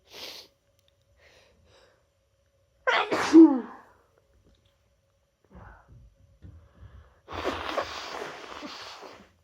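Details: Adult sneezing with an annual cold, induced with chhinkni snuff after holding sneezes in all day: one loud sneeze after a brief inward breath, then sniffing and a long noisy exhalation.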